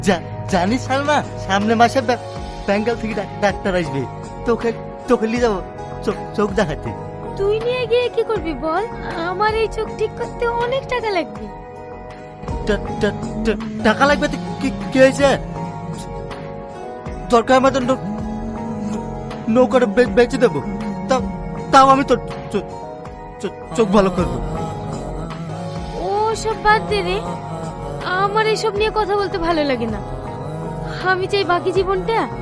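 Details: Acted stuttering in a short Bangla drama scene, presumably by the young male character; stuttering (acted).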